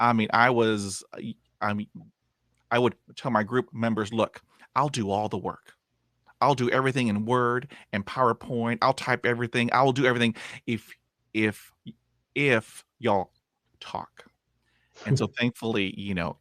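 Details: Lifelong stuttering in a 51-year-old man after 20 years of speech therapy, which he says took him from zero to about 80 percent improvement, with continuing blocks and repetitions; stuttering.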